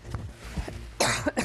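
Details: A newsreader on live BBC News cannot control her coughing and goes silent: a near-silent moment breaks into a quick run of about three sharp, harsh, forceful coughs, an uncontrolled coughing bout.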